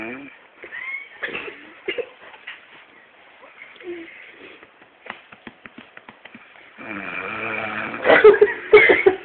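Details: Person snoring: a loud rattling snore with a vibrating buzz near the end, after quieter breathing and small clicks. Ordinary snoring.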